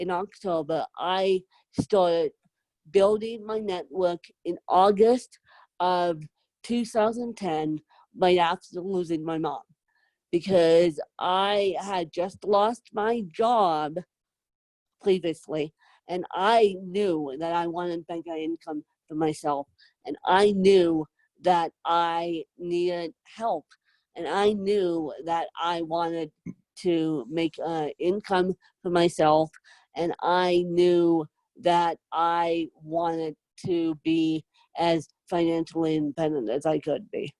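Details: Adult woman with self-described moderate to severe cerebral palsy who needs help 24/7; dysarthric speech in cerebral palsy.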